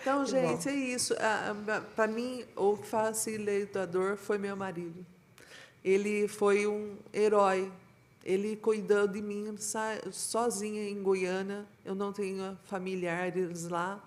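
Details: Female teacher with aphasia after an ischemic stroke in 2015, about 10 years ago; she was unable to speak for 2 years, understands everything and is still in speech therapy; aphasia after ischemic stroke.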